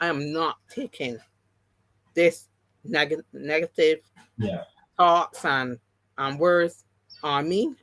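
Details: Adult woman with three strokes (2017, 2018, 2019); the first, a haemorrhagic stroke, took her speech and paralysed her right side; aphasia, post-stroke, partially recovered, with some words never returning.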